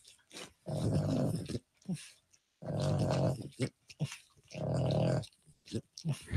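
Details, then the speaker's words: A sleeping dog lying in bed snores while another dog licks its face and ears: low rumbling snores about every two seconds, with wet licking and smacking sounds between them. "one dog is licking the other dog's face and ears while the one dog just laying there snoring let's listen"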